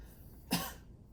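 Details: A single short, moderately forceful voluntary cough from an adult, given on request during an abdominal examination checking for hernias, in a quiet room.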